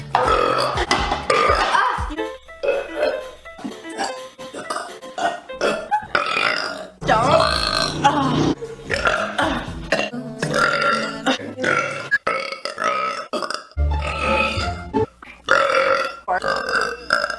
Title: Pretty girl burping compilation